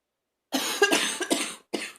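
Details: Several harsh, rough coughs in quick succession with retching and gagging, recorded in a bathroom while feeling close to vomiting, in a small echoing room.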